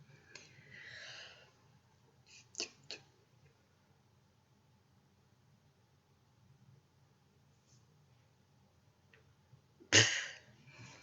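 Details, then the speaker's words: Hiccups, though the person says they may be going away: a few sharp, brief catches in a quiet room, the last one loud; hiccups. "and this paralyzes your diaphragm keeps it still so that it stops twitching my hiccups may have gone away because they're camera-shy but"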